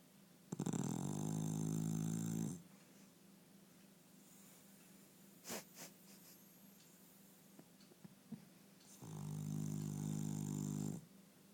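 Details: Sleeping dog: two long, loud, rumbling snores about six seconds apart, with quiet breathing between them; snoring.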